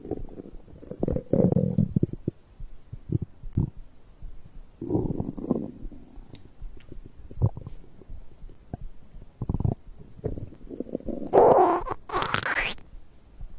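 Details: Abdominal digestion sounds recorded after drinking a beverage: irregular gurgling and bubbling rumbles with a rising squeal near the end; normal bowel sounds (borborygmi).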